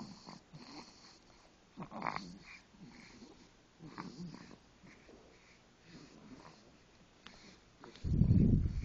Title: Coco's infamous snoring